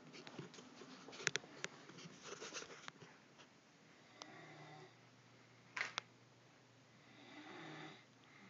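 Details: Person asleep giving soft, low snores on two breaths, mixed with rustling and clicks in a quiet room; snoring.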